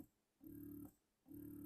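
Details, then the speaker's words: Spectra rechargeable hospital-grade electric breast pump switched from slow to faster cycle mode, which mimics an infant's feeding pattern: rhythmic low humming suction pulses, roughly one per second, with short pauses. "pumps are made to mimic an infant's feeding pattern and with Spectra it starts with a slow let's turn it back on so you can hear it slow removal and then when you switch the cycle"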